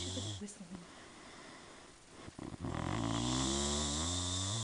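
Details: Girl snoring while asleep: low, rattling snoring that turns into a loud, sustained, tonal buzzing snore, with brief background voices at the start; snoring.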